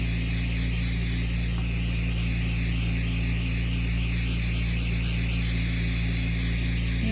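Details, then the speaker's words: Oxygen concentrator running in the room during a sterling silver sand-casting session: a constant low motor hum with a faint hiss and slight pulsing above it. "I'm sorry about the humming or the mortar that you hear that's my um oxygen concentrator"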